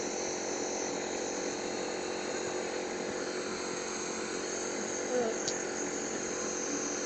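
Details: Child with a productive cough receiving nebulizer treatment: a steady mechanical hum and hiss of the nebulizer compressor running continuously, with faint room noise.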